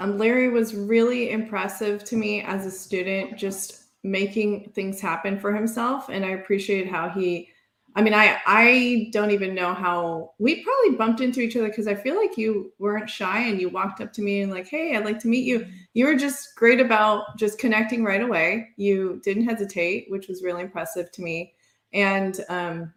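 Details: Adult woman; typical speech.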